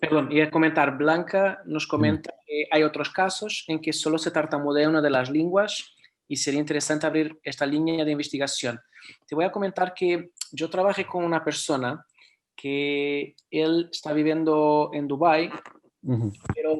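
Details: Adult male speaker; no speech disorder.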